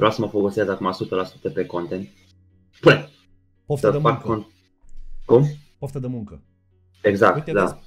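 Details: Man with Tourette syndrome, a comedian, speaking Romanian in a podcast conversation, with vocal tics (e.g. 'psi', 'psam', 'pa pa pa') throughout; real, not acted. Finding: Tourette syndrome (vocal tics).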